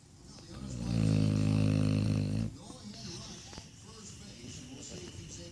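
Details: Snoring: a single long, loud, low rumbling snore, followed by quieter breathing and room noise.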